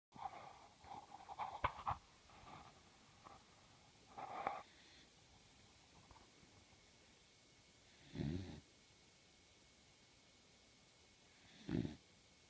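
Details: Snoring from a sleepy, comfortable puppy: low rumbling snore bursts with soft snuffling about every three to four seconds in a quiet room.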